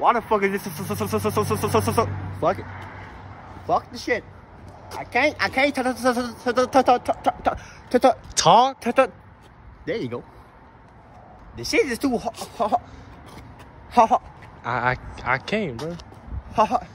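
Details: Acted stuttering in a comedy skit portraying a friend who always stutters.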